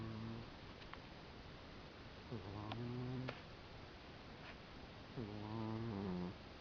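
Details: A cat sleeping and snoring softly with buzzing snores on each breath, about 20 breaths a minute, over low room hiss.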